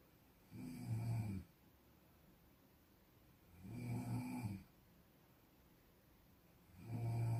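Low, rumbling snores at regular intervals, about 20 breaths a minute, with quiet gaps between them; typical snoring.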